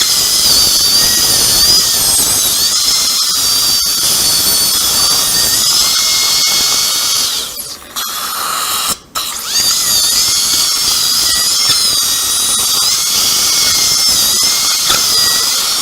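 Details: Upper second molar sectioned with a diamond bur before immediate implant placement, roots fused like a single root: steady high-pitched high-speed dental drill whine with water spray hiss and brief pauses while cutting the tooth.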